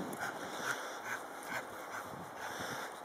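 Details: Dog with laryngeal paralysis; rapid, harsh, noisy breaths with a faint whistling edge, inspiratory stridor.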